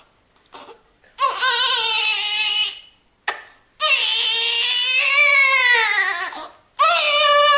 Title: Baby Crying Sound Effect / Sound Of New Born Baby Crying / Child Cry Sound